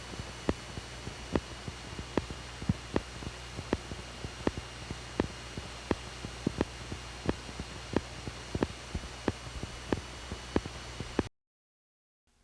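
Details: Fibrillation potentials on needle EMG, teaching example; many fibrillations firing at different regular rates sound irregular together.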